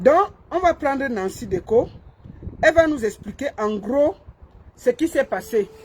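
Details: Adult speaker; Normal voice.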